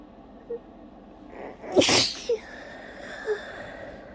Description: i could barely hold this one back at all it tickIed so much, and then i just couldn't stop sneezing!